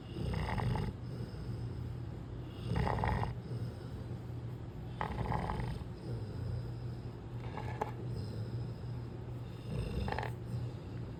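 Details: Sleeping, relaxed American Bully puppy: regular rough snores about every two and a half seconds, roughly 25 a minute, over a steady low rumble; snoring.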